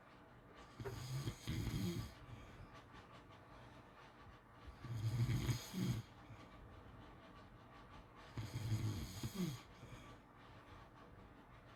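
Three loud, rough snores on inhalation about four seconds apart, roughly 15 breaths a minute, with quiet exhalations between.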